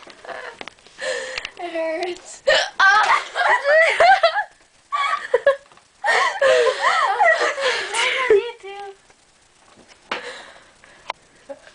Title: Horrible Hiccups =[